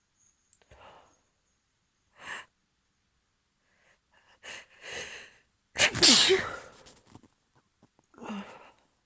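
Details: A female with morning allergy sneezes: quick sniffs and catching inhalations build to one loud explosive sneeze, followed by a softer voiced breath.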